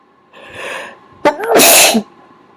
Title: more covered sneezes